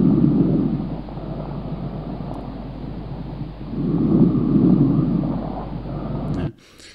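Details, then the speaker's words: Normal vesicular breath sounds from alveoli over the lung periphery via stethoscope diaphragm: soft low rustling, longer inspiration, brief faint expiration. "Então, o som vesicular, que provém dos alvéolos, né? Antigamente chamados de vesículas, encontra na maioria da parte da periferia dos pulmões, né?"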